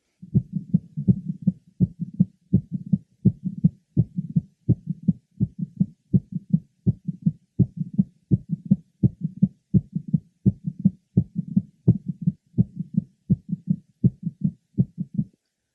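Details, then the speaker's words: Woman with mitral valve prolapse heard at the lower left sternal border: regular heartbeat near 80 per minute with several sharp clicks in mid to late systole. "the next patient as mro Val prolapse as evidenced by her several clicks heard in mid to late sisterly lower left sternal border"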